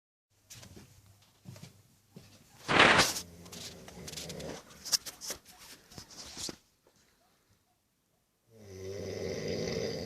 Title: My 19 year old brother snoring hahahahaha!